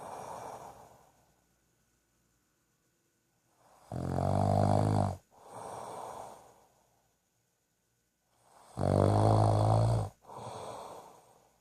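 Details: A person snoring in sleep: two loud, rattling snores on the in-breath, each followed by a softer breathy out-breath, in slow sleep breathing.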